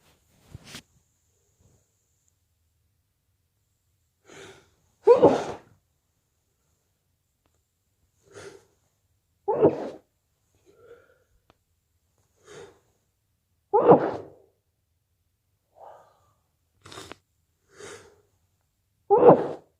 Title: cold sneezes and blows at day 2